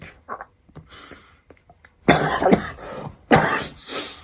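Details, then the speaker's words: Acted comedy scene: an adult gives two loud, harsh cough bursts after quiet faint sounds; the cougher claims allergies, not sickness. "You got the nerve to cough right beside me."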